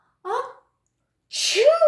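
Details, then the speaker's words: Fake, imitated sneeze demonstrating sneezing into the elbow: a short voiced wind-up, a pause, then a hissing 'shoo' burst; a single simulated sneeze. "another thing we can do when we're sneezing and that is to sneeze into our elbow right here okay so when we have to sneeze we would go uh uh"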